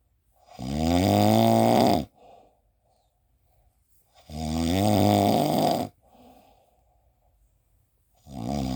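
Loud, rattling snores on each breath in, with quiet pauses between, about 16 breaths a minute: snoring.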